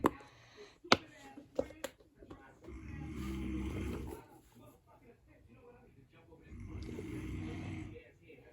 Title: My fidget toys ( sorry in the back ground with my dad snoring ) 😴 ￼